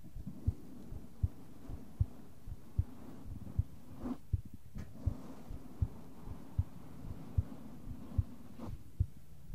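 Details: ASMR heart sound recording with brushing and tapping in the other ear: steady soft thumps at about 80 beats per minute with light brushing noises in the background, a normal heartbeat.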